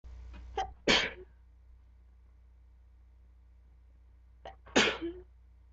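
Two sharp sneezes a few seconds apart, each with a quick intake before the burst; sneezing.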